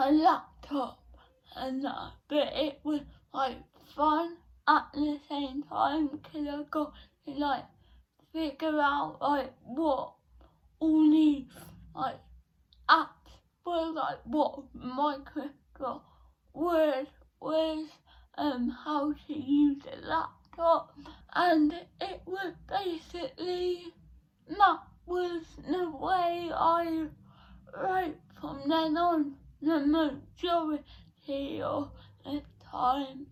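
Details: Dysarthria in a 17-year-old female with cerebral palsy present since birth, diagnosed at 14 months, affecting her speech; speech therapy from an early age.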